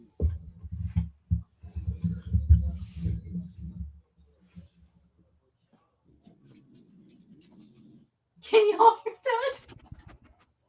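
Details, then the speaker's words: Loud snoring from a dog in the room, described as snoring badly, heard during a live stream. "I don't know if y'all can hear him cracks me up because of how bad he snores"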